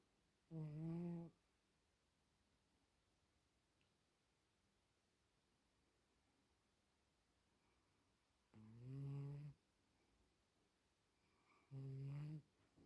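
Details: Snoring, an everyday occurrence: three deep, rumbling, voiced snores, each under a second, separated by long quiet pauses in a quiet room.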